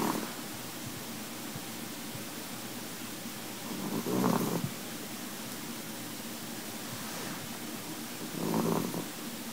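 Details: Chihuahua snoring after a full meal: two soft, rough snoring breaths about 4.5 seconds apart, roughly 14 breaths a minute, over quiet room hiss.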